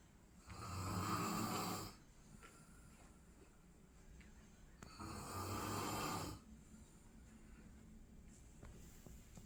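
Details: Tired dad snoring while asleep next to his quietly sleeping 2-month-old baby: two loud rattling in-breath snores about four seconds apart, roughly 13 breaths a minute, with quiet exhalations between.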